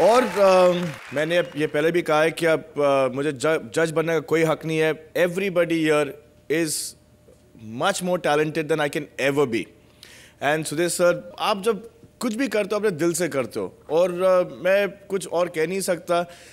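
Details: Adult man speaking; normal speech.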